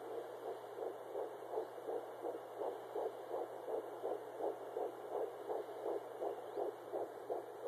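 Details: Fetal heartbeat at 10 weeks 4 days of pregnancy: rapid, regular whooshing pulses at about 167 a minute.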